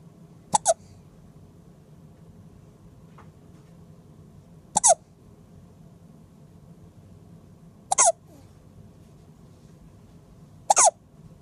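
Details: Two-day-old baby boy with hiccups: four sharp, brief hiccups at irregular gaps of about three seconds in a quiet room.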